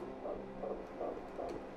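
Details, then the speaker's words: Fetal heartbeat on Doppler at a prenatal appointment, rate stated as 153 and strong: fast, regular whooshing beats. "and strong a heartbeat uh it just makes it more real"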